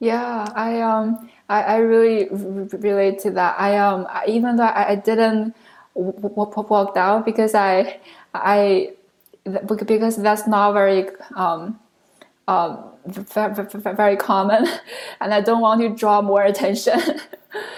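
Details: Adult woman who stutters, originally from China, a speech pathology PhD candidate studying in the U.S. for close to 10 years; this stretch has many word repetitions; stuttering.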